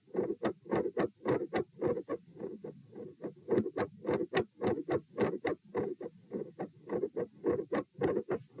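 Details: Heart sounds recorded at the pulmonic position (P) in a stress test of lying, sitting, standing, then lying (72, 96, 108, 72 bpm): very quiet supine, loud sitting, about 100 a minute, with a split S2; split second heart sound.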